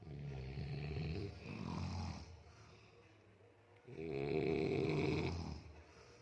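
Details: Grandfather and elder uncle snoring: two long, rough, rattling snores on the in-breath, separated by a quiet pause; ordinary loud snoring.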